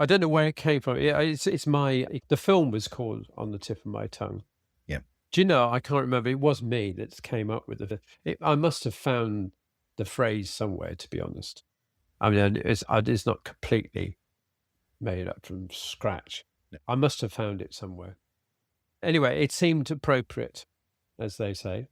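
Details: Man with aphasia after a sudden stroke, treated with speech and language therapy, who still has trouble reading and tires as the day goes on; self-corrections and repeated words; aphasia with word-finding difficulty.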